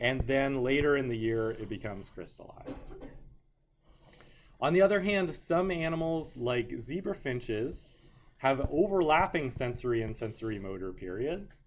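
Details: Adult male lecturer; normal speech.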